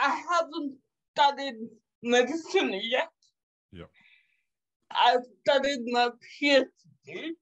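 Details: 27-year-old woman with cerebral palsy caused by severe neonatal jaundice; doctors predicted in childhood she would never walk or talk; she says it makes her sometimes speak and move differently; dysarthria.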